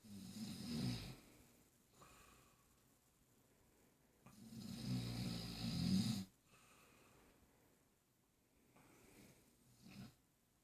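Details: Slow, low rumbling snores on inhaled breaths with long quiet gaps in a still room, someone snoring while a baby moves nearby.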